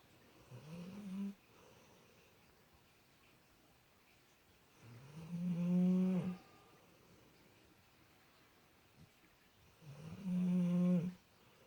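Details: Sleepy subject snoring loudly for the past 10 minutes, at times sounding like an angry cow: three slow, low, buzzing snores with quiet pauses between, about 13 a minute.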